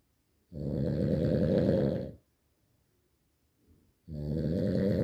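Two long, loud, rattling snores on breathing in, separated by a quiet pause; heavy snoring.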